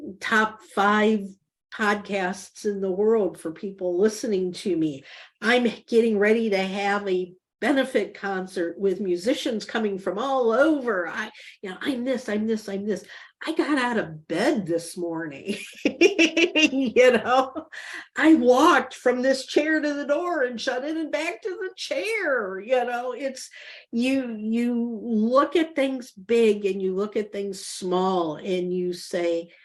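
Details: Mild aphasia with word-finding difficulty, nine years after a stroke; she says she could not talk before using a microcurrent feedback device and can talk now, and describes understanding others but being unable to say the words.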